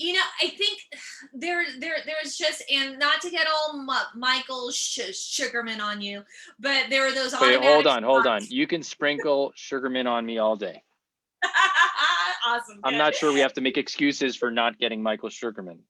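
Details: Stuttering in an adult woman whose stutter began at age seven or eight; she also has dyslexia.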